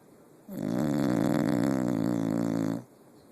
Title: Molly snoring!